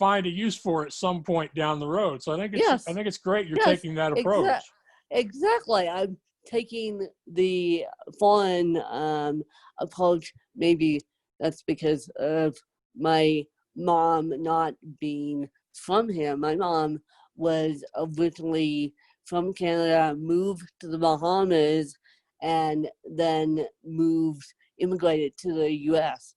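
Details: Adult woman with self-described moderate to severe cerebral palsy who needs help 24/7; dysarthric speech in cerebral palsy.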